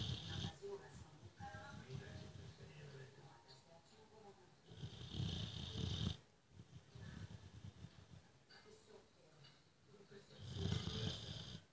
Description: Phil is a cute boxer dog and he snores every day.